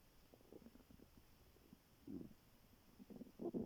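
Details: Stomach growling recorded in the morning just after waking, very hungry and before skipping breakfast: soft, quiet gurgles building to a louder rumble at the end.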